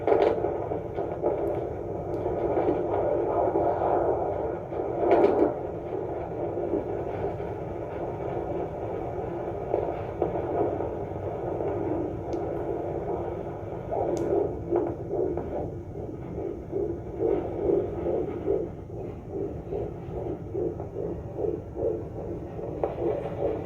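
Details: Fetal heartbeat at 29 weeks of pregnancy on a Doppler monitor: fast, rhythmic whooshing pulses through steady Doppler hiss, a normal fetal heartbeat.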